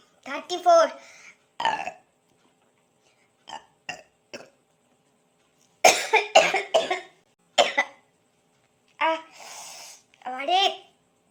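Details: A run of deep, croaking burps of varying length with pauses between them, after drinking Coca-Cola in a burping challenge; repeated real belching.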